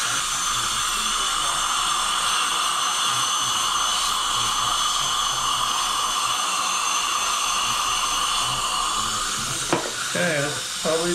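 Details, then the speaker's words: Dental drill on a patient's teeth on day two after dental implant surgery, while fitting 3D-printed test teeth: a steady high-pitched whine and hiss for about ten seconds, then a brief clatter and a short voice. "okay weird with me drilling on your teeth without any feelings"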